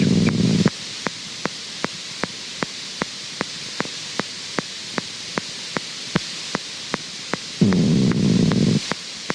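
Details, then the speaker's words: Needle EMG: steady hiss with regular sharp pops, about 150 a minute, the same motor unit repeating in slow bursts: an isolated myokymic discharge, nonspecific, seen in an isolated muscle in mononeuropathies, radiculopathies or motor neuron disease. "discharge so this is just repeating and again this is the same motor unit that's firing repeatedly"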